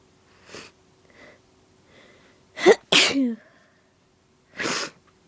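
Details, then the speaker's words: A few soft sniffing breaths build to two strong sneezes close together, then a third, from a slim woman with deliberately induced allergies, sneezes growing stronger and messy; allergy sneezing. "I'm gonna sneeze. Oh, they're so messy. Here comes another one. They're getting stronger."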